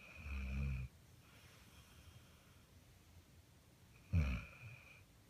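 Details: Dog snoring while asleep: two low rattling snores with a quiet pause between them in a small room; ordinary snoring.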